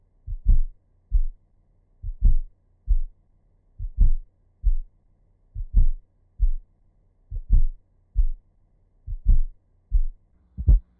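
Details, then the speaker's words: Educational demonstration of a fourth heart sound (S4, atrial gallop), best heard with the stethoscope bell at the cardiac apex in late diastole: slowed heartbeat with a soft extra thud just before each first sound. "S चार हृदय ध्वनि सथोस्कोप की घंटी के साथ cardiac apex पर सबसे अच्छी तरह से सुनी जाती है। यह देर से डायस्टली में सुनी जाती है और अक्सर इसे एट्रियल गैलपिदम के रूप में वर्णित किया जाता है।"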